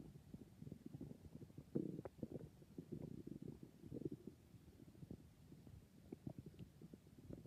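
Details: Stomach growling (borborygmi): low, bubbling rumbles with brief louder gurgling bursts and small pops, from normal gut activity.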